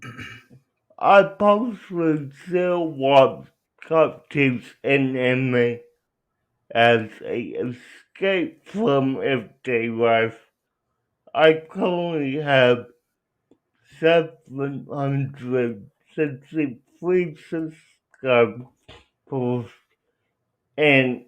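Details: Young adult man with cerebral palsy who uses a wheelchair, out of school for six years, speaking with dysarthria due to cerebral palsy.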